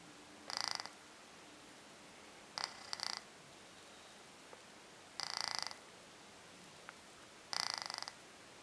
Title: Snoring